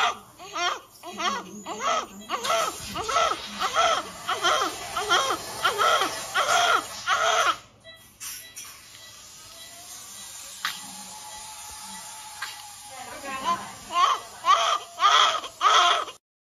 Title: Very cute! This newborn is crying very sadly!